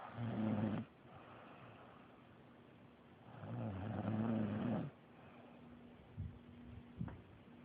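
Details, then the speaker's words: Girlfriend, who denies snoring, recorded asleep: two long, rumbling snores on in-breaths, with quieter breathing and a faint steady hum between them; ordinary snoring. "I tried to tell my girlfriend that she snores, but she didn't believe me. I'm finna catch her for the first time."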